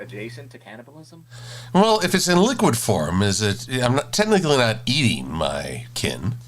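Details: Adult man speaking; ordinary speech.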